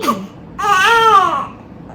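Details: One-week-old baby boy at about 7 a.m.: a single short wailing cry with a clear pitch that rises, then falls; ordinary newborn cry.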